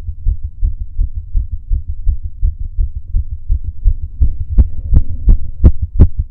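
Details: Adult male's own heartbeat during breath holds: steady, rapid low thumps, louder over the last two seconds, with a faint hum behind; a normal heartbeat.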